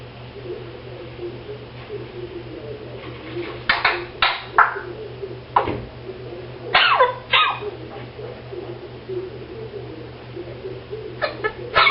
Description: African grey parrot coughing